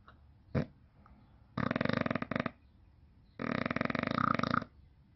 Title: Snoring bulldog